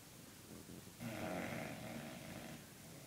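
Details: Soft, low, fluttering snore on each breath from Gracie, an overweight, lazy pet dog in deep sleep; ordinary snoring.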